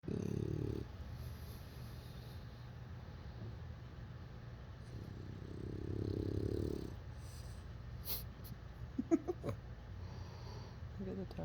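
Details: Sleeping bulldog puppy snoring: low, rumbling snores, two longer breaths in about eleven seconds, over steady background hum; puppy appears to be dreaming.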